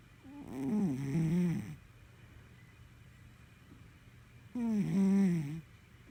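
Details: Red, a sleeping Sphynx cat, snoring: two low, rumbling snores on breaths a few seconds apart, with quiet room noise between.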